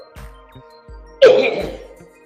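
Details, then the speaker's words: A single harsh, congested-sounding cough burst from an adult smoker, who calls it a congestion cough rather than a weed cough, with quieter throat noises before it and faint background music. "That wasn't a weed cough. That was a congestion cough right there."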